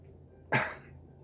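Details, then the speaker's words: A single short, loud, low throaty burp that fades quickly, from gas built up after fast-chugging two 12 oz cans of Diet Dr Pepper; the stomach felt very bloated. "no a lot of gas built up from that"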